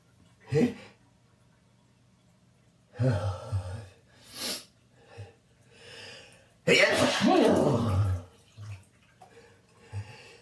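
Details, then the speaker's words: Person resting in a bathtub after drinking wine and being out in the rain, with a burning nasal tickle: several sharp explosive sneezes with breathy build-up sighs and groans, in a small echoing room; sneezing. "Oh, I gotta stop sneezing. I was out in the rain."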